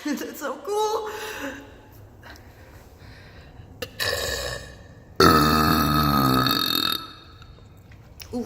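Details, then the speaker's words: Woman deliberately burping in an empty girls' public bathroom at a concert: several voiced burps, the last long and loud with tiled-room echo, with brief speech and giggling between. "I'm in the girls bathroom I bought the IP so there's literally no one in the bathroom so I'm gonna see sorry for my fans love how the burping acoustics are in here"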